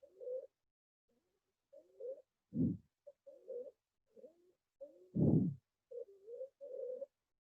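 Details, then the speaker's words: Stethoscope demonstration in a paediatrics lecture on acute bronchiolitis and bronchial asthma: short, harsh, musical breath noises recurring with a couple of dull thumps, from a narrowed upper airway; stridor. "এই যে রংকাই যখন stethoscope দিয়ে শুনবো। এই যে স্ট্রাইডর বলছিলাম প্রথম দিকে, এই স্ট্রাইডর।"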